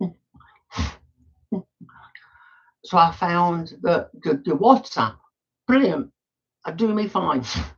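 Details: Adult male with Tourette syndrome, tics quite bad that day by his account; frequent snorting and throat-clearing tics while talking; vocal tics (Tourette syndrome).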